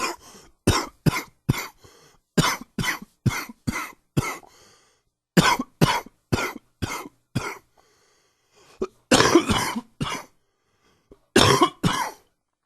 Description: A little more bronchitis coughing.